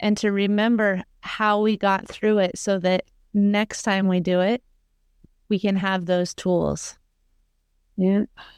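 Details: Adult woman speaking; normal speech.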